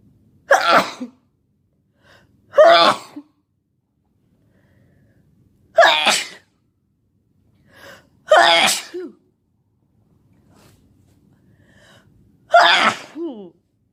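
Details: Sneezing fit of a sick person who has been sneezing all day with a headache: five forceful sneezes about every two to three seconds, each preceded by a sharp inward breath.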